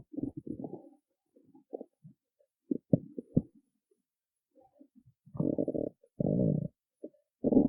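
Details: Woman who skipped breakfast: low gurgling and rumbling bursts with quiet gaps, stomach growling of an empty stomach.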